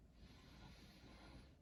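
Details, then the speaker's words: Simulated nursing assessment of an adult, stethoscope on the posterior chest during deep breaths: soft, steady rushing airflow; normal breath sounds. "it should just be an even error exchange no crackles or we should be noted"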